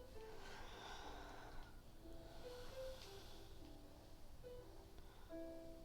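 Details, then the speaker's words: A small 19-year-old dog sleeping comfortably gives low, rough, snorting breaths, partly masked by soft background music; snoring. "나이가 많아서 나이가 지금 19 살이거든 그러다 보니까 어 아저씨처럼 고르 그 어떻게 저렇게 조그만 말 치즈의 코에서 저런 소리가 나오는지 신기합니다"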